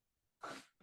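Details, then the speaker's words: Adult simulating agonal breathing during a veterinary CPR training presentation: a single abrupt, harsh gasp, a sign of cardiac arrest or imminent arrest. "once we get to a part in the video where it shows this dummy um doing um agonal breathing so it's sort of like a gasping type thing um just like Joe here is doing right now"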